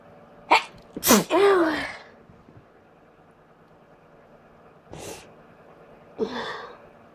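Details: A quick run of sharp, explosive sneezes with a short breath between, then a softer one after a pause, as the person announces each coming sneeze: repeated sneezing.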